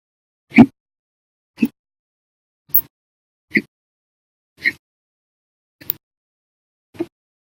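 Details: Violent, loud hiccups recorded audio-only on 8/24/19 in an episode said to last 11 hours 55 minutes, after eating meals and drinking two cups of soda after dinner; hiccups.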